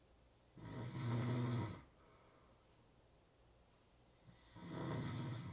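Two loud, low, rattling snores, each on a breath in, separated by quiet breathing. Ordinary snoring.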